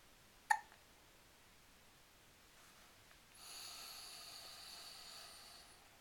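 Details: A single short, sharp hiccup while a father burps the child, in a quiet room with faint hissing background noise.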